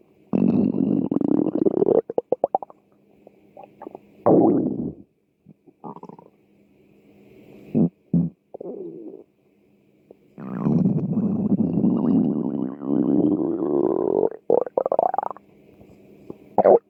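Loud, long gurgling and rumbling bursts with short pops between quiet gaps: ordinary hunger-related stomach growling.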